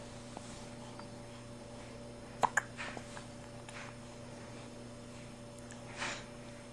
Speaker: The orange has hiccups. You alright, buddy? You got hiccups, little man?